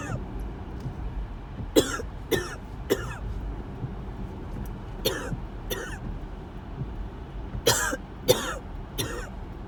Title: Coughing Fits while headed to ER